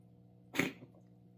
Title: My cat coughing